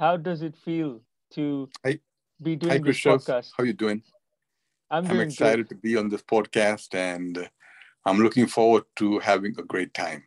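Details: An adult male who has stuttered for 44 years; stuttering.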